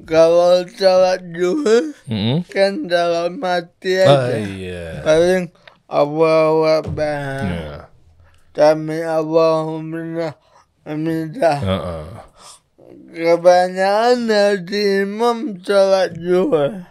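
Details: Adult man born in 1987 with severe cerebral palsy from birth, attributed to a birth injury during a breech delivery (described as malpractice); he could not walk until age 9 and speaks, but not clearly; dysarthria (cerebral palsy).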